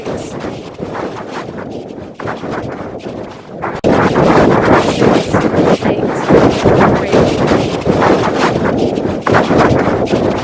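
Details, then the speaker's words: Online digits-in-noise hearing test, final step: loud rushing background noise that swells and fades, in which spoken digits or names must be identified. "हल्ला-गुल्ला हो रहा है और उसमें कोई बोल रहा है किसी का नाम या किसी का नंबर मोबाइल नंबर या कोई डिजिट बोल रहा है उसको आप पहचानना है उसी हिसाब से यह टेस्ट होता है"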